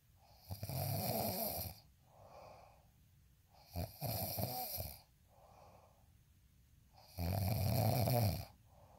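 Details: Loud, rattling inspiratory snores alternating with softer breathy exhalations, about three breath cycles in nine seconds (roughly twenty breaths a minute); snoring.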